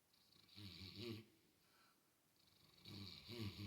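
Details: Mastiff dog snoring while asleep and apparently dreaming and wiggling: two soft rattling snoring breaths with a whistly hiss between them; quiet, ordinary dog snoring.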